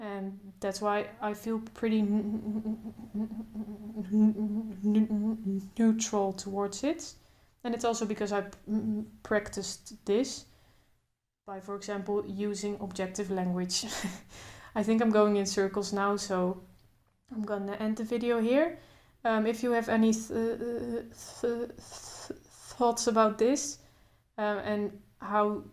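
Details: Adult woman who stutters, speaking without trying to control her stutter, including blocks; stuttering.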